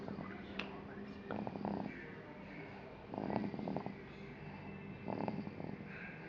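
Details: Deep sleep with rhythmic, rattling snores in bursts about every two seconds and a low steady hum between them: heavy snoring.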